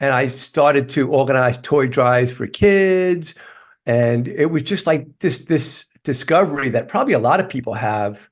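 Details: Adult man with lifelong stuttering, which he describes as a neurological condition that worsens when he is tired; stuttering.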